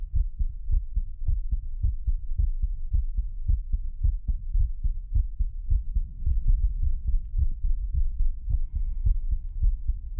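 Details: Pre-recorded normal heartbeat used as a binaural 3Dio ASMR trigger, with a lower thump: regular, deep thumping at about 105 beats a minute over a faint background hum.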